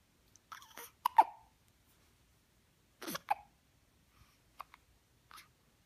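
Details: Sharp, brief voiced catches recurring every couple of seconds in a quiet room; hiccups.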